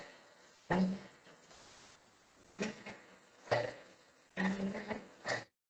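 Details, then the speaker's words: Four quick, noisy fast inspiratory gasps at irregular intervals, breath driven into the upper chest without good diaphragm contraction, in an athlete breathing example; dysfunctional breathing. "can you hear that gasping sense, you know, that gasping sound where the breath is being driven into the top part of the chest? They're really not getting a good diaphragm contraction."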